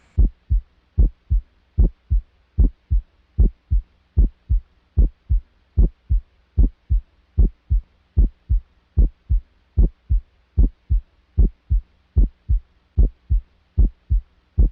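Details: Normal heart sounds: regular paired first and second sounds at about 75 beats a minute, with a short silence in systole and a longer silence in diastole.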